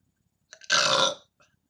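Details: Woman, about 29, rambling while talking: a couple of small throat sounds, then a single loud voiced belch of about half a second, presented as ASMR; an ordinary burp.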